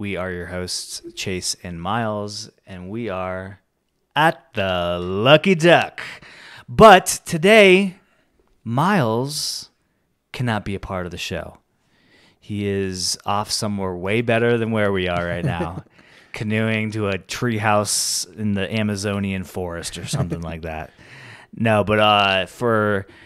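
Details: Adult male speaker; Normal speech.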